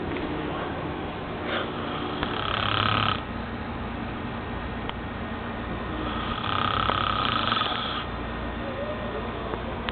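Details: Adult man (uncle) sleeping: two long, rattling snores about five seconds apart over steady room noise; snoring.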